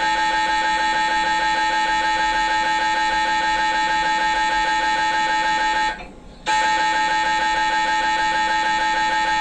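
Loud, steady, rapidly pulsing electronic buzz with a sustained tone, briefly stopping then resuming; typical MRI scanner imaging noise.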